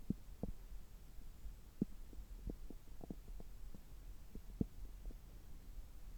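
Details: Abdominal sounds heard through a stethoscope about three hours after a meal, when the gut is active; abdominal massage follows later: normal bowel sounds.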